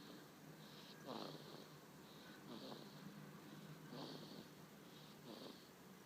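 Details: Savannah kitten, 1 month 16 days old, napping: soft rhythmic snoring, about four breaths every six seconds, each with a faint rattling snort; quiet room.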